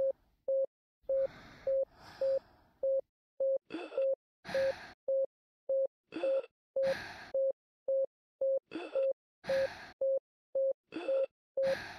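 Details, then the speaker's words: Simulated child (pediatric complex case) after seizures stopped, given lorazepam 2 mg and phenobarbital 300 mg, breathing 26/min: noisy, harsh, gasping obstructed breath sounds with increased respiratory effort over monitor beeping. "there are obstructed breath sounds there is increased respiratory effort"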